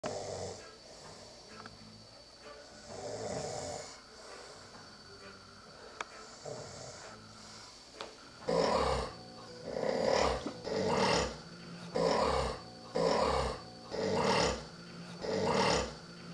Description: Falling asleep in my hotel room, snoring like no one business....captured on video.